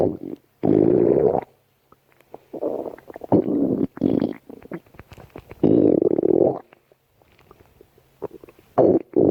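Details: Stomach growling (borborygmi).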